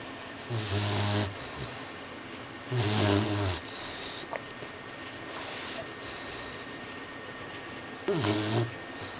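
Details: Boxer puppy snoring in his sleep: three rattling snoring breaths with a snort in between, over steady room hiss.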